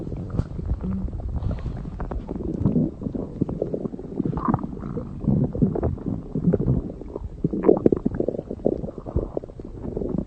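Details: Continuous low rumbling and gurgling with irregular pops: stomach growling (borborygmi).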